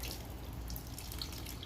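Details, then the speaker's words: Senior Paso Fino mare with suspected mild choke, nasogastric tube passed into the stomach: steady splashing, gurgling fluid flow as stomach contents run back out through the tube. "well there's a real positive indicator that we got to her stomach"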